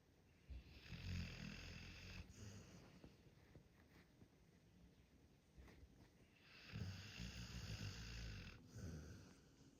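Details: Pitbull dog snoring while sleeping: two low, rattling snoring breaths with quieter breathing between them; ordinary snoring.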